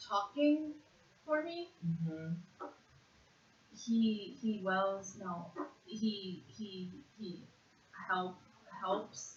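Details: 56-year-old woman with severe conduction aphasia after a single left-hemisphere stroke in June 2012, with jumbled speech that worsens with stress, naming animals in a one-minute word fluency task; conduction aphasia.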